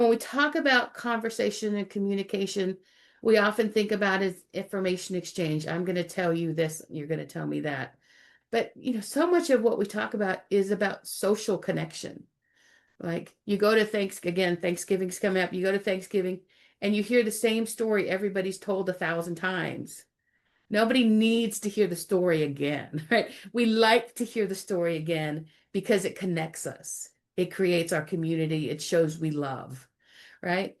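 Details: Adult woman speaking; Normal fluent speech.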